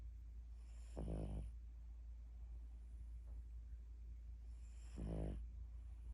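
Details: Sleeping dog snoring: deep, fluttering snores about every four seconds over a steady low hum.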